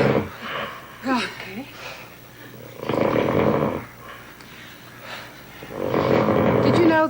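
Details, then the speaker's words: Husband snoring at night, taped by their son at low volume: loud, rough, rattling snores with the breath cycle and some background noise. "you hear that noise the volume isn't nearly up where it should be that's my husband snoring my my son taped that the other night"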